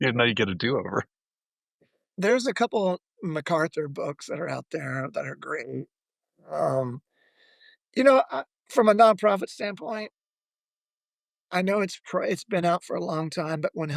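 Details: Adult male former professional lead singer with spasmodic dysphonia, onset of voice loss at the height of his career; says it is audible in his voice; uses a microphone.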